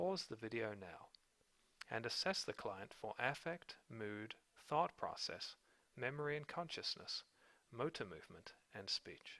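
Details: Adult narrator; Normal speech.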